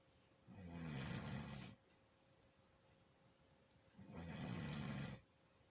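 Two long, rough, rattling breaths in with a quiet pause between, ordinary snoring from vibrating tissue in the throat during sleep.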